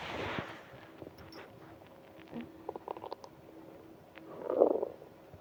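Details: Adult's stomach growling from hunger, progressing to stomach ache: faint gurgles and squeaks, then a louder drawn-out growl, over some hiss; borborygmi.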